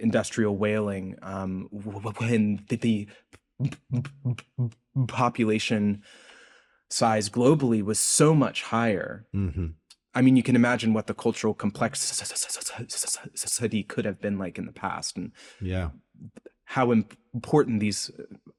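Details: Adult male postdoctoral researcher, self-reported speech impediment audible throughout an interview; this stretch has word repetitions; stuttering (disfluent speech).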